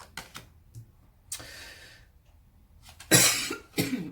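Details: Coughs from an unwell, sick speaker during a tarot reading: a few small throat sounds, then two harsh, loud coughs in a quiet room.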